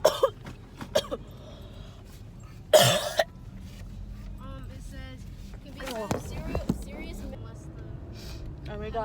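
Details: Acted, simulated coughing in a car: a few short, harsh coughs and throat clearing amid voices, faked as part of a coughing-blood prank; not a real illness; acted cough.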